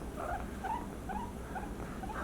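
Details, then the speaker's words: Stethoscope chest auscultation of a guinea pig on day 1 of treatment for loud wheezes and panting, pained when pressed on both sides of the rib cage: repeated short high distress squeaks over rapid, rough breathing noise; heart rate very fast. "okay auscultation stethoscope you can hear the cries there"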